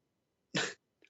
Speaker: okay why you keep coughing each time each time things get hot you start coughing